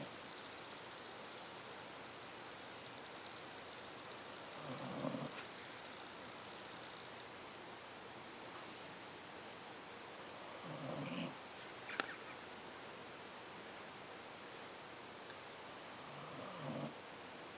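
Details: Sleeping pet with soft, irregular snoring breaths, about ten a minute, over a steady background hiss; snoring.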